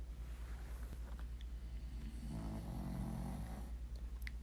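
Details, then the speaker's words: A sleeping dog gives one low, rumbling snore over a steady low background hum, part of a household snoring contest. "Good one, Jack. You're not snoring as bad, though. They say the two girls are the winners. Yeah, those two girls are the winners. Our snoring contest."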